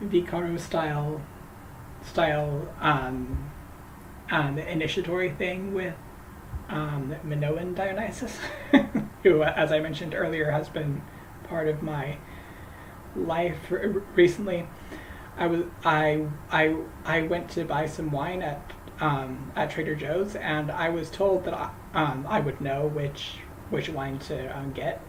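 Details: Man who says he stutters, talking while crocheting; word and phrase repetitions, worse when greeting people by name; stuttering.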